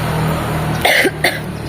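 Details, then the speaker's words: Person after jogging session 13, hoarse voice, making two short dry throat-clearing cough bursts over low background hum. "Insyaallah [berdehem] ya Allah sampai serak suaraku."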